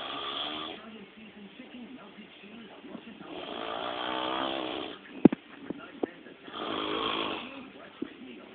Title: Extremely Funny Snoring!!